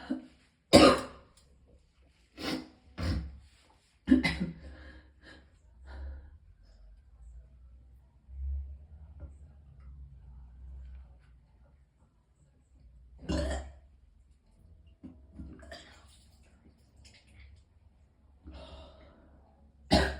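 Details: Person in extreme pain coughs harshly and clears throat about a dozen times over twenty seconds with strained retching between; coughing with retching.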